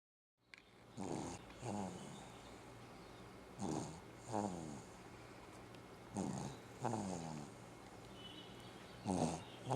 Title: snoring